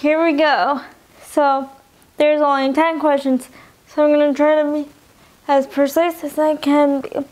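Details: Young adult woman with dysarthria from spastic quadriplegic cerebral palsy present since birth (occurred in utero), all four limbs affected, wheelchair user; cerebral palsy affects her speech and eating.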